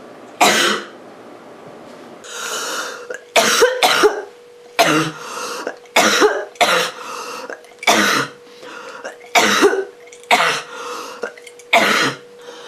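A child gives about nine harsh, rough coughs with breaths between them, a chesty cough from a common cold.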